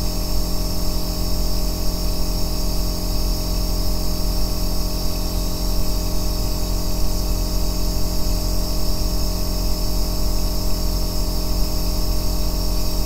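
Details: Aerosol nebulizer running, recorded as deep-bass white noise for sleep and relaxation: a steady, loud, deep humming drone with constant hiss and no breaks.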